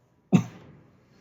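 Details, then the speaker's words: One brief, low cough burst fading into hissy room noise, recorded overnight while an adult with sleep apnea slept in a hotel room using a CPAP mask. Lingering cough after flu two weeks earlier. "Oh, I coughed. I can't believe this is still a problem. I remember now. Ugh. So I had the flu like 2 weeks ago. I still have like occasional coughing fits from it, and it usually comes at the most inopportune times, like while I'm asleep."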